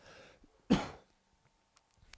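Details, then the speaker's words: Cough from an adult man during an exhausting recording day: a single short, harsh cough with a throat-clearing quality in a quiet small room. "God damn this has been an exhausting day for this recording that's why I'm like I can't read I'm coughing all over the place"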